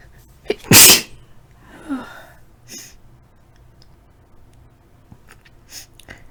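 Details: A person sneezing at night from a nasal tickle: a short intake, then one sharp explosive sneeze, followed by quiet breathing in a still room.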